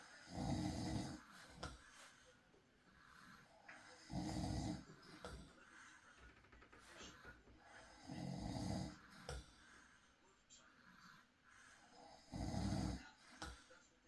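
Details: Man (husband) snoring during night sleep, real recording: loud, low rattling snores on each in-breath, about 15 a minute, with quiet breathing between.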